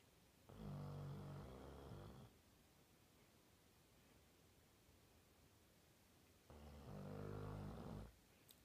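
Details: 18-month-old Labrador dog asleep, snoring: two long, low, buzzing snores on breathing in, about six seconds apart, with quiet breaths out between.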